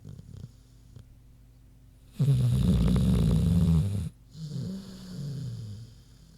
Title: Big Pig Snoozin' (HD Queenie Snoring Audio)